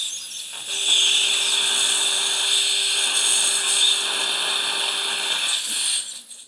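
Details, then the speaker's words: Steady high-pitched surgical drill whine for about five seconds, drilling hard bone in a 62-year-old man for a guided lower-left dental implant at #36; 5.0 tapered drill, then TS3 4.5×10 mm implant. "The bone was quite hard. So 5.0 tapered drill was used approximately 50 percent and TS3 4.5 by 10 millimeter implant is placed."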